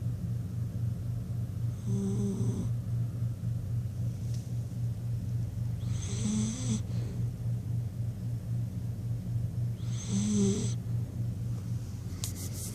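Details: Candy, a sleeping dog that always snores: soft snorting snores about every 4 seconds over a steady low hum. Snoring.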